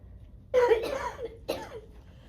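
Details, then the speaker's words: Acted chest physiotherapy demonstration: 52-year-old woman with acute pulmonary exacerbation of cystic fibrosis, diagnosed at 16, does two forceful, breathy huff coughs, exhaling fully to clear secretions after six to eight breaths of upper-lung vibration. "Okay. So, now that it's been the six to eight breaths, you're going to do something called a huff cough. And I'm going to have have you breathe out um as much as you can like you're fogging up a mirror until you cough and get some secretions."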